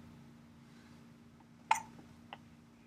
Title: His Hiccups